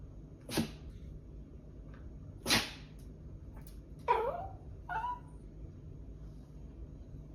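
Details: A dog that sneezes when it wants a treat, wagging its tail: two short, sharp nasal sneezes, then a couple of soft whines; a behavioural, attention-seeking sneeze.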